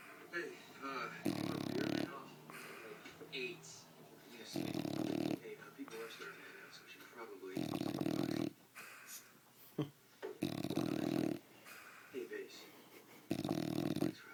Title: Snoring bulldog